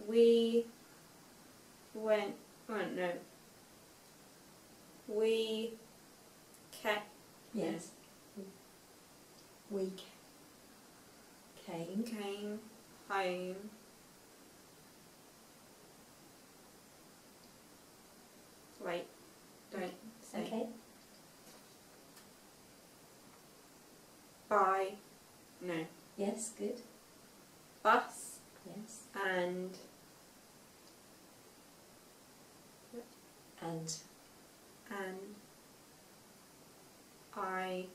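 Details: Non-fluent aphasia affecting speech, reading and writing in a young woman five years after a stroke at age 18; some words are hard for her to say.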